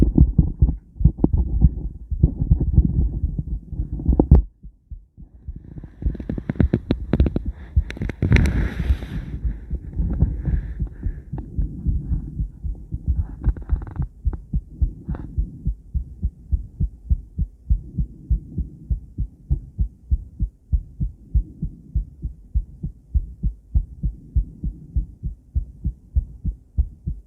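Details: Normal adult female heartbeat on Doppler ultrasound with sound, a first attempt at the new view: regular, steady whooshing pulses, with brief noise at the start.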